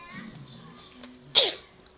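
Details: A mother's single sharp, explosive sneeze with a quick fading tail amid faint background voices, near her baby who is frightened by her sneezing; sneeze.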